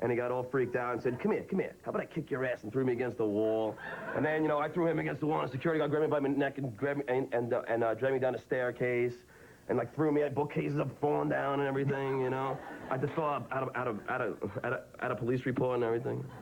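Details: Adult man, a radio show personality publicly known for stuttering, described as having a speech impediment; part-word and word repetitions; stuttering.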